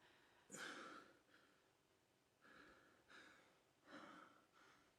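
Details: Acted drama scene: adult male rapid, harsh gasping for air during a trauma-triggered panic episode.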